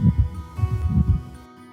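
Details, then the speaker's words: Pericardial friction rub in pericarditis: rapid low heart sounds with a rough, scratchy, to-and-fro extra sound over background music. It typically has two systolic and one diastolic component and is likened to squeaky leather, grating or rasping. "rub extra heart sound of toan fro character typically with three components two systolic and one diastolic it resembles the sound of squeaky leather and often is described as grading scratching or rasping"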